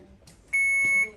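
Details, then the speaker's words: Infusion pump occlusion alarm during an IV pump teaching demo: loud, steady, high electronic tone for about half a second as the pump, after checking lines, reports an occlusion on the patient side, anywhere on the tubing between the pump and the patient. "what's it saying concluded patient side so if it's talking about patient side it's anything on the tubing from right underneath where it comes out of the pump to where it is in the patient"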